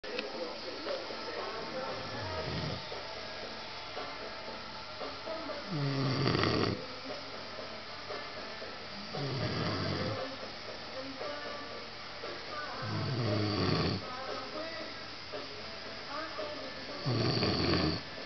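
Deep, rumbling snores on breathing in, about 16 a minute and somewhat irregular, over faint background music or talk.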